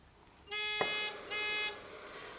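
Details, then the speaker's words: MEDUMAT Standard a emergency ventilator function check with a test bag, frequency 8 and minute volume 8 on no air mix: two shrill buzzing alarm tones with a click between them, an alarm that can be ignored during this test. "you can ignore the alarm in this case just the text test back needs to fill completely"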